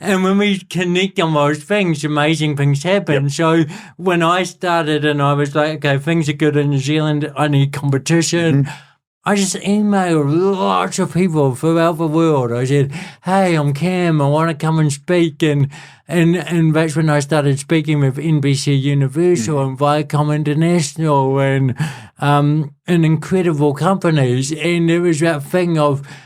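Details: Adult male born with cerebral palsy, congenital and lifelong, who calls it a physical disability affecting how messages travel around his body and a speech impediment; real speech; dysarthria (cerebral palsy).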